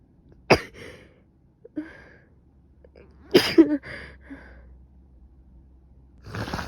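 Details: Coughing from an adult with a probable cold, plus stuffy nose, sneezing, severe headache and fever since waking. Several sharp, explosive coughs and a sneeze-like burst in a quiet room.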